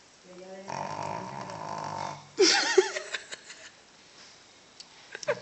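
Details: Female dog snoring loudly, a long buzzing, humming breath followed by a sharper snort and small snuffles; first time owner has heard her snore this loud.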